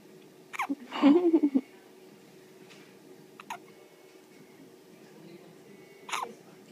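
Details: Three brief, sharp hiccups a few seconds apart, the first followed by a short vocal whimper, in a quiet room; hiccups.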